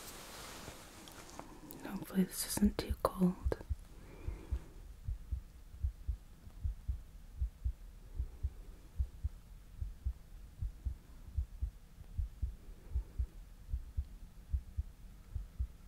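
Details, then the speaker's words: Simulated roleplay ER heart exam of a patient complaining of a racing, pounding heart: soft whispering and handling noise, then steady, regular low heart thumps through a stethoscope in a quiet room; normal heart sounds. "Okay. So I'm gonna listen to your heart."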